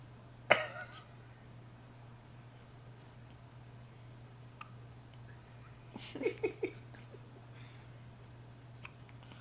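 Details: A sharp single hiccup, then a short cluster of small hiccup-like catches against room hum, from a newborn boy, recorded on a Flip Video camcorder; a hiccup bout lasting about 5 minutes.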